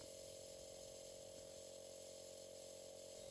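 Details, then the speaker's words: Philips home compressor running a Respironics Sidestream reusable nebulizer for home aerosol therapy: steady mechanical hum with constant whine and airy hiss, no breathing heard; nebulizer compressor running. "switch on the unit make sure mist is visibly coming from the mouthpiece or mask"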